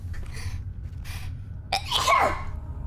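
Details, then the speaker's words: One sharp, forceful sneeze from a VTuber during a livestream of Amnesia: The Dark Descent, with quieter noises before it and faint room hum: ordinary single sneeze. "Wee wee. Guys, I have to sneeze. Wow, so fast, Kuda."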